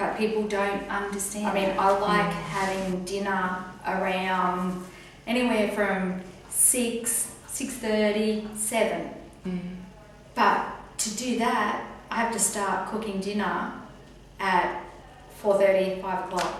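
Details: Woman with aphasia after a stroke, about one year on from an earlier recording, reporting gradual improvement; aphasia.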